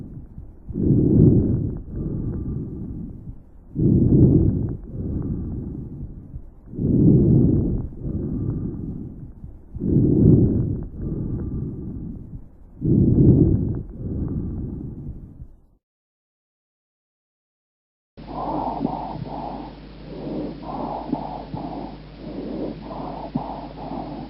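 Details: Animal breath sounds: regular breaths at about 20 a minute, each with a louder start and a softer tail.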